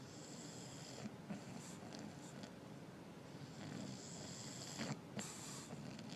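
Quiet, rhythmic rasping breaths with snorty noise on each cycle from sleeping dogs; snoring.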